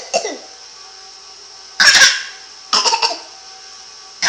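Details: Imitated cough copying another person: three short, harsh cough bursts, some in quick doublets, with quiet gaps between.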